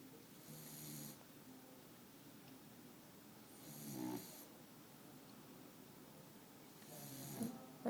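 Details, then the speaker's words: Beagle sleeping, three soft rattling snores on the in-breath, about 18 breaths a minute, with quiet pauses between; dog snoring. "It's not very sexy, you know. Al, the snoring beagle."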